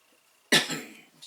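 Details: A single short, sharp cough in a quiet room, heard while an upper-arm blood pressure cuff is being fitted.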